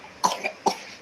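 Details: Small child, one of baby twins, has a cold with a cough and gives two short, light coughs at home.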